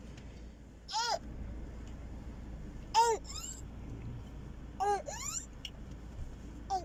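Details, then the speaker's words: Parent-recorded video of a crying infant; obstruction thought glottic or subglottic: high-pitched, harsh crowing breaths recur with whimpering cries: inspiratory stridor. "so this was in the previous day when the mother parents recorded the video we can hear the Strider"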